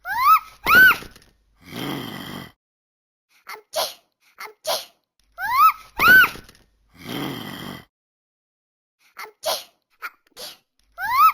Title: Talking Angela sneezing and falling over